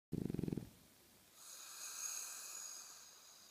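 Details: A brief fluttering, rattling snore followed by a soft, hissy outward breath; snoring.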